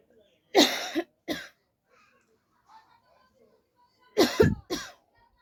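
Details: Deliberate voluntary coughing by an adult as a coughing challenge: four forceful, acted coughs in two pairs separated by a quiet pause.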